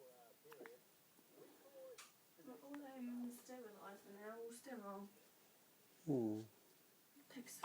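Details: Infant with hiccups: soft vocal sounds in a quiet room, then one abrupt, loud, brief voiced gulp of a hiccup.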